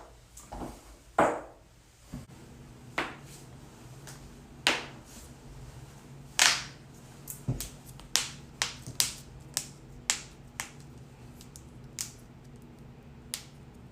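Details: Spinal manipulation: a series of about a dozen sharp, loud pops and cracks at irregular intervals; joint cavitation during back cracking.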